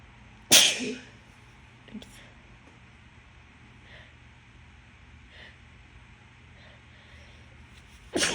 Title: Announced sneezes for Easter